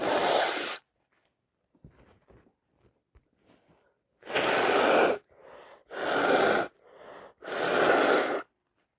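Four loud explosive sneezes, each after a quick drawn-in breath, in close succession: repeated sneezing fits of allergy.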